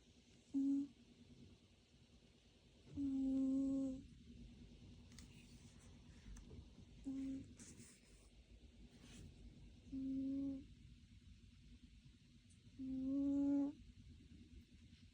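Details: Cat snoring loudly: repeated tonal, humming bursts about every three seconds over low room noise.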